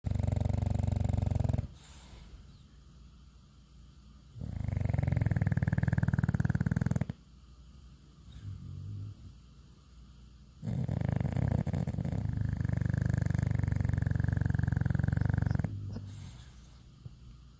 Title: Bulldog snores